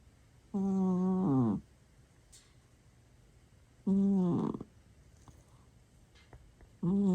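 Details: Sleeping cat snoring: loud, rattly, buzzing snores, about 20 per minute, each about a second long, with quiet pauses between.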